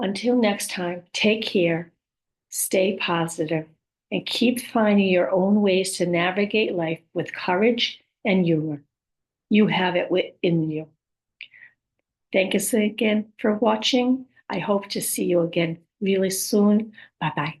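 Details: Woman with aphasia, apraxia of speech and dysarthria after a stroke: aphasia with apraxia of speech and dysarthria.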